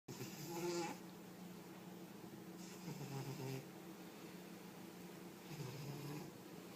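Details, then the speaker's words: Soft rhythmic rattling snores, about one every three seconds, from a cat named Rex sleeping on a table; ordinary harmless snoring. "Rex, you're snoring. Rexy, you're snoring. Rexy, wake up. You're snoring."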